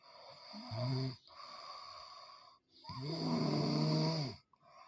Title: खर्राटों से कौन-कौन परेशान है #trending #viralreels #funny #youtubeshorts #comedy #snoring